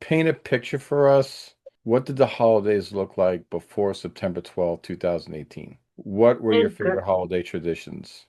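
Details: Adult speaker; normal speech.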